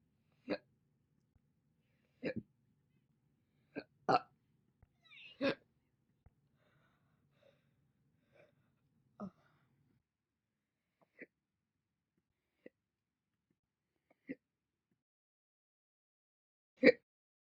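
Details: Brief, sharp hiccup sounds repeating slowly every one to two seconds, some fainter than others, over a quiet background; slow hiccups.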